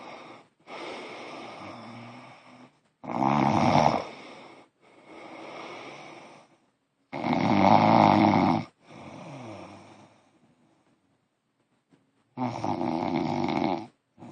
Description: My Fiancé snoring!!!